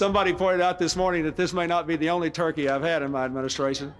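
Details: Adult male speaker; Normal voice.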